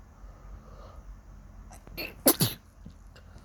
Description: I woke up in the morning and my nose is suddenly feeling itchy...